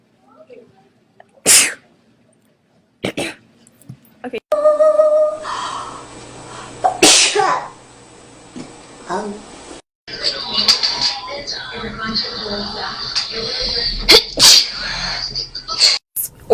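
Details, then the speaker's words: Female sneezing repeatedly: several sharp sneezes in separate bursts, with some talk, music and background noise between them. "I'm gonna sneeze it alright as you can tell I sneeze like multiple times"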